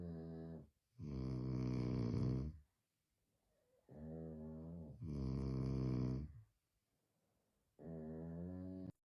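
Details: Two people snoring in sync, alternating: one low and buzzing, the other louder and harsher, each snore one to two seconds, trading off in rhythm.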